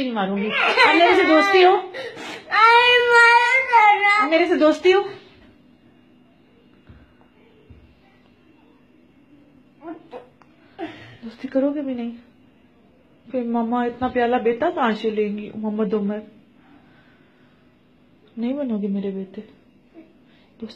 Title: angry Crying baby by tamacha